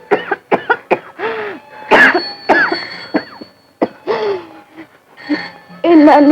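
Acted adult coughing in short sharp bursts, mixed with voiced sounds and soft background music.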